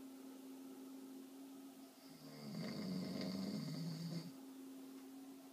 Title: snoring #3